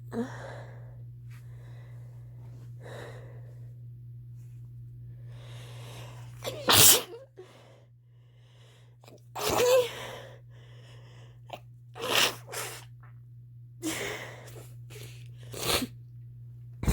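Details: Person at the start of a cold, with a pounding head: several sharp, partly stifled sneezes in a quiet room with a steady background hum; repeated sneezing.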